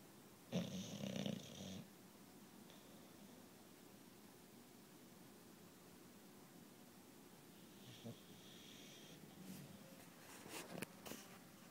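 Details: Two rough, rattling snores on breaths several seconds apart, over a quiet room hiss; ordinary sleep snoring.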